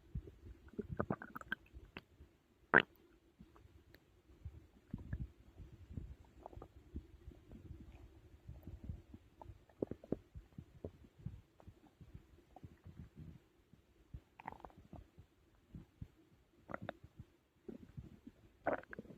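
Irregular gurgles, squeaks and bubbling bursts over a quiet background; stomach growling from normal digestion after a large meal.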